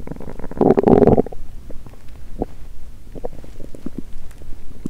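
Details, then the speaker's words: Hunger stomach growling (borborygmi) of a woman fasting over 17 hours, recorded with a microphone on the belly; pre-period abdominal pain: a loud low gurgling rumble, then scattered shorter gurgles and squelches. ""मैंने अपने पेट से जोर से गुर्राने की आवाज सुनी।""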